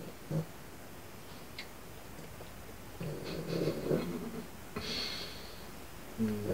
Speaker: y'all can hear that snoring that's Pete dog again he's laying there at the door asleep snoring is hard